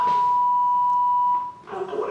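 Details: Public basic life support and AED training: the AED advises a shock, everyone stands clear, the shock button is pressed, then CPR resumes. A steady high-pitched beep lasting over a second, then voices; AED shock delivery beep.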